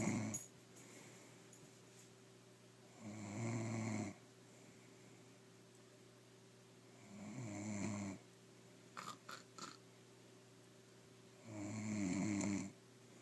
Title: snoring